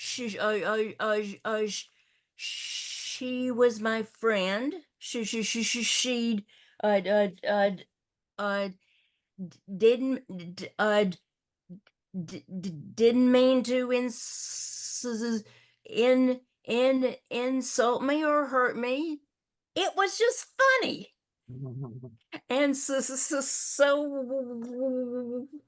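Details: Older adult woman who stutters, also with a paralyzed vocal cord; stuttering.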